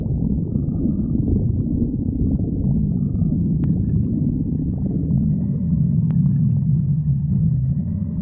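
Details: Stomach growling (borborygmi): a steady, low, gurgling rumble with faint squeaky, whistle-like tones running through it.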